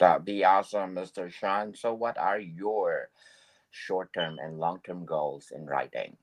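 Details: Adult male speaker; typical speech.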